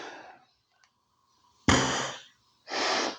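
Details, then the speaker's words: Two forceful, hissing inhalations with quiet pauses between, drawn by a respiratory physiotherapist through a spring-loaded inspiratory muscle trainer, whose spring setting restricts airflow, tighter settings making inhalation harder. "puxamos O ar fazendo uma inspiração e a regulagem da mola apenas dificulta a passagem do ar quanto mais eu fecho a mola mais difícil vai ser passagem do ar"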